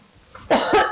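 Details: Adult indoors at home, which they attribute to EMF attacks: two quick, harsh cough bursts in close succession in a quiet room; brief cough.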